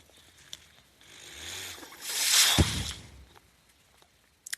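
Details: Breath from a podcast speaker's own mechanical ventilator, heard while he talks: mechanical ventilator breath cycle.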